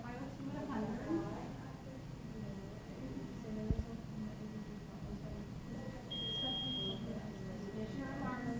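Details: Single high electronic beep over room hum and faint talk as a non-invasive ventilator is tested and started on CPAP 5 in a respiratory therapy student competency demonstration; mechanical ventilator alarm.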